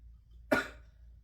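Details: Cough from an adult recovering from a respiratory virus (possibly undetected Covid or RSV).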